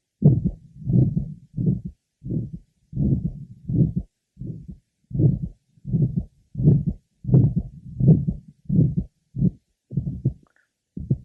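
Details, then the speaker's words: Six-year-old boy with significant aortic stenosis, heard over the aortic area, pulmonic area, left sternal border and apex: heartbeat about 87 a minute, each beat with a harsh rumbling systolic aortic stenosis murmur. "now a six-year-old boy also having significant aoic nosis"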